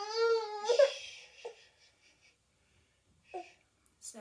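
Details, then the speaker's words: Baby boy, red-eyed when tired: a brief, soft, drawn-out whine, then a few small fussy sounds and quiet; a tired, whiny cry signalling sleepiness, unlike his more upset feeding cry. "he'll start rooting still much more of an upset cry um than a whiny cry um so that's how we've kind of learnt his cues whiny whiny whiny"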